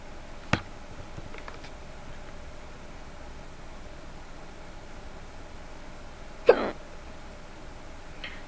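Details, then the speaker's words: Hiccups that keep returning after seeming to stop: two brief, sharp throat catches about six seconds apart against quiet room noise. "I love how my hiccups like to make a fool of me they're like go ahead talk about say they're gone say we're gone then they just come back"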